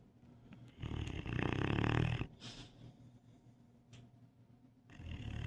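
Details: Large male Cane Corso dog asleep, possibly dreaming: one loud, low rumbling snore, then softer snuffling breaths and a rising snore; snoring.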